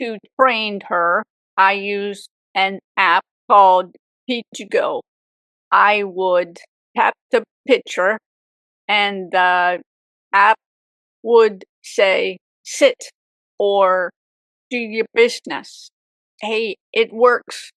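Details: Aphasia with apraxia of speech in an adult woman, 18 years after a severe stroke at age 44; chronic post-stroke condition after years of speech therapy.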